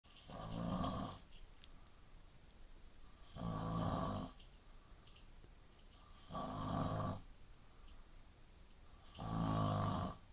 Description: she had no clue....that she was being filmed & that she actually snores!